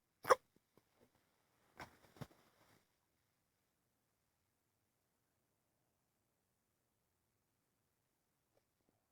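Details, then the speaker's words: Real, not acted, hiccups in a person trying to stop them by restricting breathing: one sharp hiccup followed by a couple of fainter catches and breath sounds, then silence. "I'm not acting here. I really have the hiccups."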